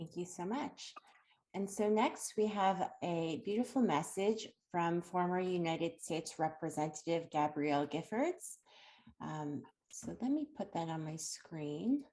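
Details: Adult woman speaking; normal speech.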